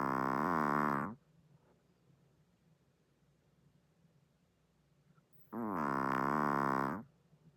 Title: The world’s loudest snoring chihuahua, also sleeps w/eyes open. #funny #love #chihuahua #dog #pets